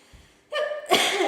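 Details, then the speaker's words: Person with chronic hiccups, recorded right after returning from a party, unedited: two abrupt voiced catches in quick succession from sudden involuntary throat closure; hiccups. "because my chronic hiccups but you can hear that I have hiccups and they're very very annoying and"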